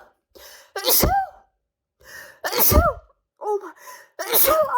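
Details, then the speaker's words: Adult with all-day nasal tickle, sneeze triggered by cologne sprayed nearby: three forceful sneezes, each with a sharp inward gasp before the burst. "Oh yeah, this will finally do. I feel it. I'm gonna give me a tissue."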